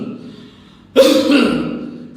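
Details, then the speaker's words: Imitated large-airway cough: deep inhalation, then one large loud cough, as with an irritant in the trachea, larynx or pharynx, also seen as smoker's cough. "such type of cuff is also seen in smoker what we call smoker cuff so uh deep inhalation and large B of cuffs the irritant is either located in large earing or trachea or laryn or fenite fing"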